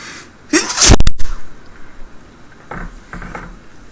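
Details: Acted sneeze in a role-play of a woman with a tickle in her nose sneezing on the viewer, then apologizing: one loud, explosive sneeze with a brief breathy lead-in and a quick double burst, then quiet breathing.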